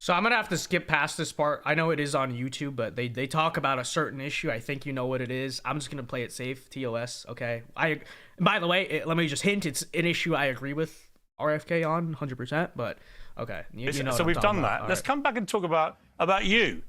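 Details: Adult man speaking; normal speech.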